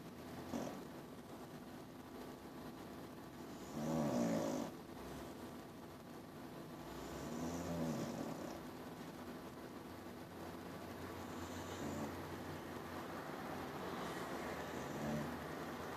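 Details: Soft, rattly snores recur irregularly at roughly 17 a minute over a steady low background hum; snoring.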